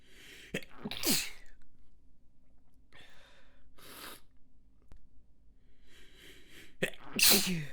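Two sharp, stifled sneezes, each preceded by short breathy catches, in a quiet room; ordinary sneezing.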